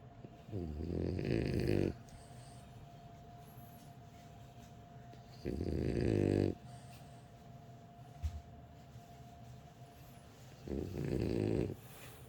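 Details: French bulldog sleeping warm indoors, snoring: three loud, rattling snores on in-breaths about every five seconds, with a steady hum and faint talk in the room.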